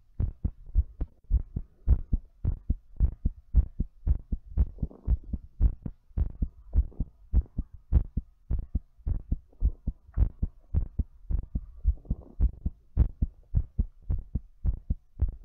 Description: My heart's all thumpy while I'm doing breathplay.